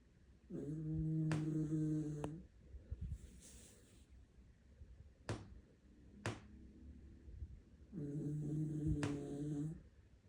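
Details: Deeply asleep, snoring for over a minute: two loud, rough, buzzing snores about seven seconds apart, with quieter breath noise and a few clicks between; ordinary snoring during sleep.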